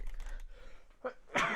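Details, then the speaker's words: During a live coding stream, a short catching sound leads into one loud, explosive burst of air over faint room hum: a single sneeze. "oh man where's that sneeze coming from"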